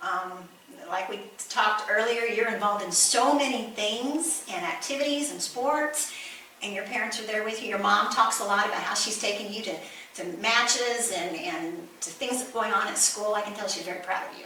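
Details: Adult woman speaking; normal speech.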